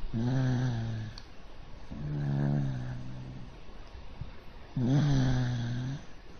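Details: A pet dog sleeping on its back on its owner's arm snores in three long, low, rumbling breaths with a buzzing, fluttery tone: snoring.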